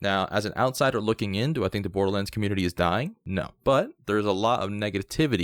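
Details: Adult male speaker; normal speech.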